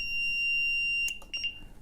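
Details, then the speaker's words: Pre-use functional check of an LTV (light transportable) ventilator: switching the unit off by press-and-hold triggers the vent-inop alarm and light, a continuous high-pitched tone that stops and resumes in short bursts. "so press and hold on you can hear an alarm and you can see that vent in up light has become visible"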